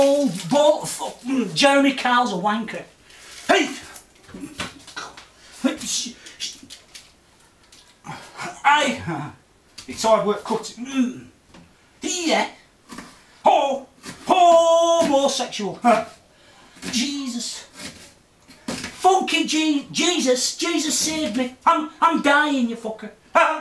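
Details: Adult man with Tourette syndrome whose vocal tics include bizarre, obscene utterances that can be relentless and vary with mood; vocal tics with coprolalia (Tourette syndrome).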